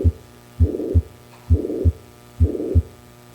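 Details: Regular beats at about 67 a minute, with a harsh, even murmur filling the gap between the paired sounds: a holosystolic mitral regurgitation murmur, presented as a pathological murmur in children.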